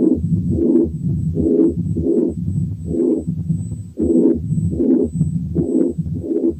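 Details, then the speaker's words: Teaching recording of double mitral lesion (stenosis plus regurgitation) with atrial fibrillation: loud first sound, pansystolic murmur and opening snap, in a totally irregular rhythm. "الحالة اللي جاية برضو double mitral lesion إنما فيها كمان atrial fibrillation وفيها loud first sound و pansystolic murmur و opening snap إنما الريزم is totally irregular."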